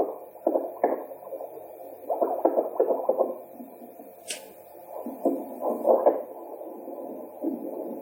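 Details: Fetal Doppler handheld device after repair of a broken probe connector cable: muffled, uneven whooshing pulse sounds from its speaker.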